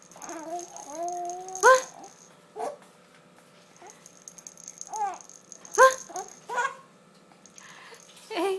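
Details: 4-month-old baby laughing with hiccups.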